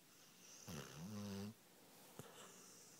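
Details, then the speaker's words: 9.5-month-old pit bull puppy asleep in bed: one low, rattling, voiced snore on an in-breath, with quiet breathing and a soft snort afterward; snoring. "so that is what you would think a human beside you snoring would sound like let's find out who it really is well maybe you should stop snoring then you weirdo"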